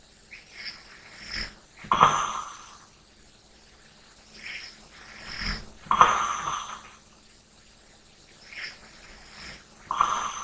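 Slow, soft breathing with a rough snore on each breath in, about 15 breaths a minute, in a quiet room.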